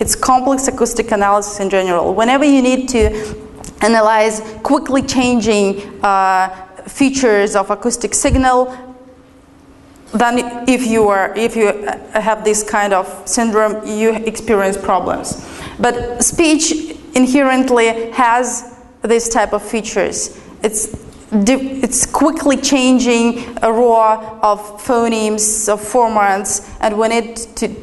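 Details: Adult woman lecturing; ordinary speech.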